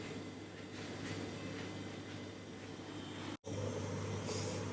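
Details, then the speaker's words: Priming a cardiopulmonary bypass circuit: after the recirculation line is closed, crystalloid flows through the AV loop, with a steady low mechanical hum and faint rhythmic churning and a brief dropout near the end; heart-lung machine pump running. "So, before we continue priming, we're going to have to close this. And you might be able to notice that now a whole bunch of the flow is going to be going through the loop instead."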